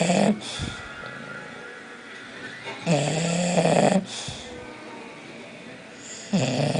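Loud, rough, rattling snores with snorting breaths and some whistling. Three snores in under seven seconds, typical of a flat-faced dog.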